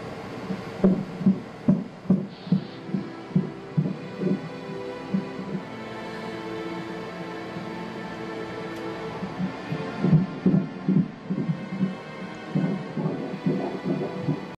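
Fast, regular whooshing fetal heartbeat at about 143 beats a minute, with drama background music.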